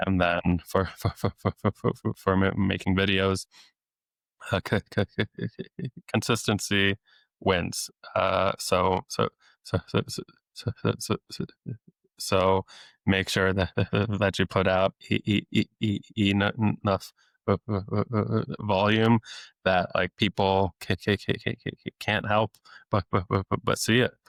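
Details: Adult man who has stuttered since age eight, with years of speech therapy, now a speech-language pathologist deliberately letting his stutter show; repetitions of sounds, words and phrases; stuttering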